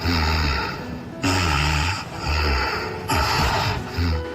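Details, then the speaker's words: Loud, steady, rumbling snoring that is continuous without pauses, presented as the simple snoring (鼾症) type, as opposed to sleep apnea, in a discussion of children's snoring. "家可以听到，这是持续的打呼噜、打鼾，鼾声如雷。好，这是第一种啊，它还是连续性的。"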